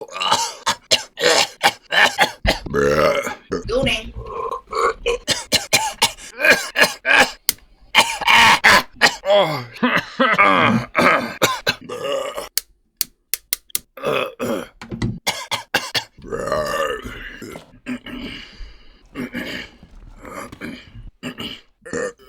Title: Coughing and Burping compilation